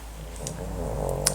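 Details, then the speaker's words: An old dog sleeping nearby gives a low, steady rumbling snore, with faint room noise and light clicks. Ordinary snoring. "you can hear barie snoring poor old fellow I'm not going to bother him you just have to put up with that"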